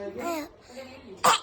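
A child's brief voiced sound, then a single short, forced cough burst, made on purpose rather than from illness.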